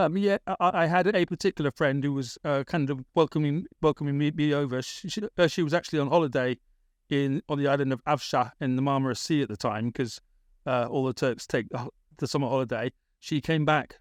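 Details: Adult British man with a persistent stammer, a big issue around age 28-29, treated with speech therapy in Britain; word repetitions: stammering.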